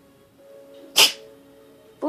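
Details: Cat sneezing: a single sharp, hissing burst over soft background music, with a second sneeze starting at the end.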